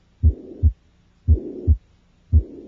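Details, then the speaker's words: Pediatric tricuspid regurgitation murmur at the left lower sternal border, louder on inspiration and softer on expiration; slow regular heartbeat with a steady blowing murmur filling systole. "the murmur of tricuspid regurgitation is heard at the left sternal border in the subid region the murmur is loudest during inspiration and is softer during expiration listen now to the murmur of TripIt regurgitation"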